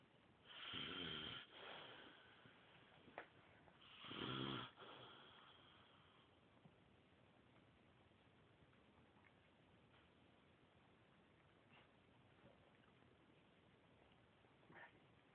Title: Snoring after a peanut butter wonder